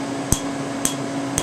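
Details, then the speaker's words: Sharp snapping pops about every half second over room hum from a Candela TriVantage 755 nm alexandrite Q-switched laser, 3 mm spot, on a male patient's previously treated tattoo under topical anesthetic, moderately painful. "this is the uh Alexandrite 755 nanometer Q switch laser from Candela it's called the tri Vantage we're doing it in the Alexandri mode"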